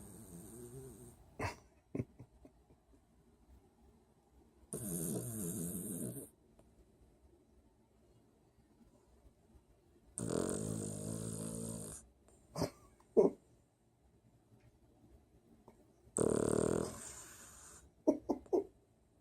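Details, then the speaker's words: Sleeping dog, said to snore like an old man: loud, rough, rattling breaths about every six seconds, each lasting over a second; dog snoring. "My dog is a bit of a snorer."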